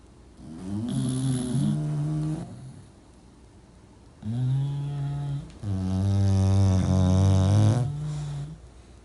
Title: Cute Dogs Harmony | English Bulldog Snore Contest